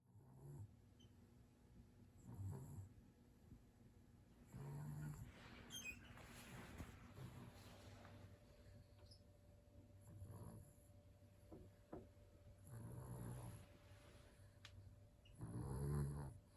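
Soft, low snorting snores about every two to three seconds from a small sleeping dog, with faint room noise.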